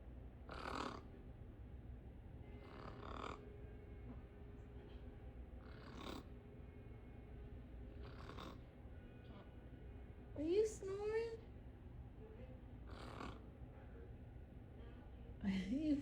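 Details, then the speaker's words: A parrot, awake, imitates snoring: short rasping snore-like bursts repeat every few seconds with a few whistles between them. "too funny, boy. You're not even sleeping. You're faking it, huh?"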